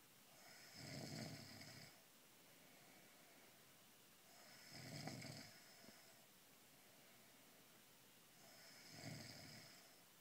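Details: Pregnant woman snoring as a side effect of pregnancy, at night: regular soft, fluttering snores, about 15 a minute, with quiet pauses between breaths.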